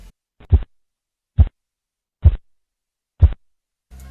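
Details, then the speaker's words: Korotkoff sounds phase IV, heard while taking blood pressure: four soft, low, muffled thumps at about 70 a minute, as fading sounds that mark diastolic pressure in children and pregnant women. "En el cuarto ruido es el mismo que en el tercer ruido, solo que comienza a descender la fuerza, o sea, que el ruido es menos fuerte. Este ruido que se va desvaneciendo nos indica la presión arterial diastólica en niños y mujeres embarazadas."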